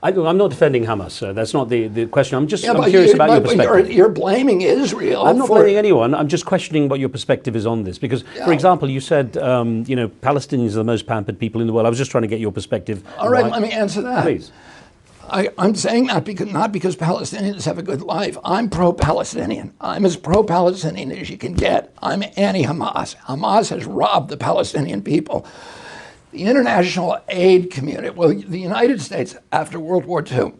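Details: Adult male with spasmodic dysphonia, onset in 1996 at age 42 after a neurological injury; he attributes it to his brain sending wrong signals to his vocal cords rather than to the vocal cords themselves, and says his voice was very strong before onset.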